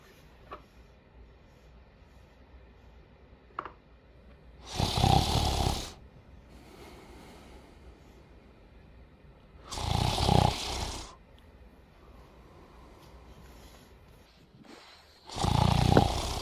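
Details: A sleeping father snoring: three loud, harsh, rattling snores about five seconds apart, with quiet breathing and small room noises between them.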